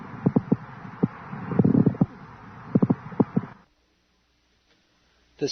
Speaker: but when the surface is thickened by fibrin deposits or coarsened by inflammatory neoplastic cells the sliding motion is impeded by frictional resistance the sound produced the pleural friction rub resembles the sound of leather sliding